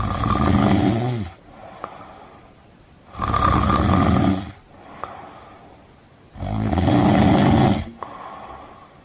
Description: This is the sound of a person snoring.